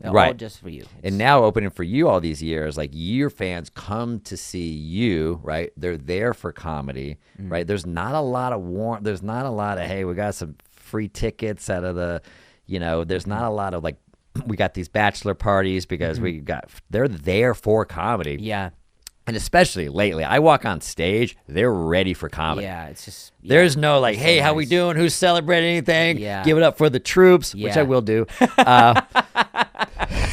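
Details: Adult man in conversation; typical speech.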